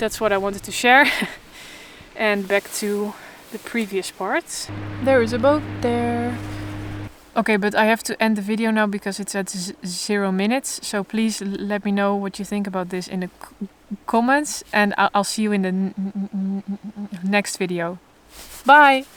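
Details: Adult woman who stutters openly but in a controlled way, in stuttering therapy for the first time and working toward letting go of control; stuttering.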